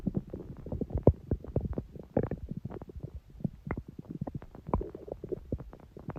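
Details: Long stomach growling (borborygmi): irregular low gurgling and rumbling bursts from the belly.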